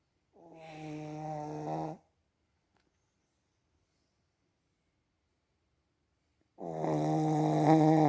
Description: chihuahua snores then chokes himself awake